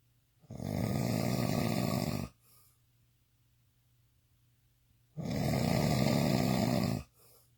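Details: Intense snoring from a person described as drunk: two long, loud, rough, rattling snores on inhaling, separated by a quiet pause.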